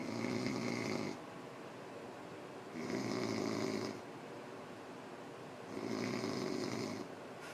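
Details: Drunk man snoring: loud, rhythmic rattling snores on each breath in, about 20 breaths a minute, with quieter breathing out between.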